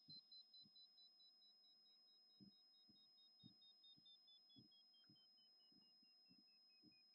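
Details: Mimi Hearing Test app on iPhone played through AirPods Max, actual test on the right ear. Short pulsed beeps stepping slowly lower in pitch over a steady faint tone, with soft thumps: pure-tone hearing test tones.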